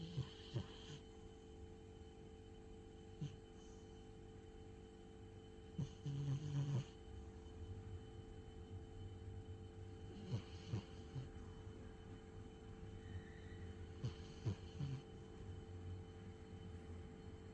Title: Sleeping cat snores loudly 😴